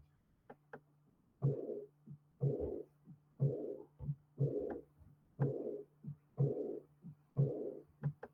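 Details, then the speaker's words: Heartbeat about 60 a minute, each beat followed by a soft blowing diastolic whoosh, heard well at the aortic area and the apex; aortic regurgitation murmur from aortic valve disease. "eso es por enfermedad aórtica dónde lo voy a escuchar bien en el área aórtica y en el apex claramente"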